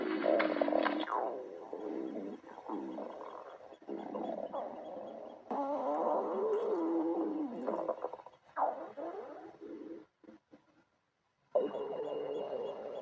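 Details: Stomach growling: long gurgling, rumbling and squeaking runs with brief pauses from stomach and bowel (borborygmi).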